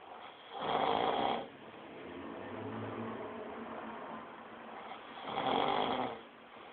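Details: Man snoring: two loud, rough snores on breaths in, about five seconds apart, with quieter breathing between.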